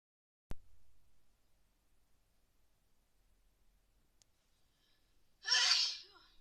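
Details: A single forceful adult sneeze after a quiet stretch, during a cold sneezing attack.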